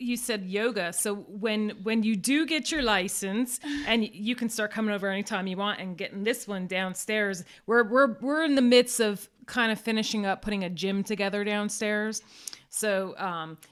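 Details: Adult woman speaking; ordinary speech.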